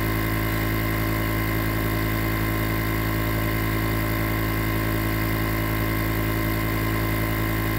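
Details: Nebulizer compressor running.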